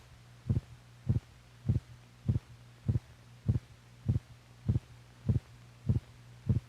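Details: Normal heartbeats recorded in a film made for doctors, correlating the heart's physical motion with its sounds.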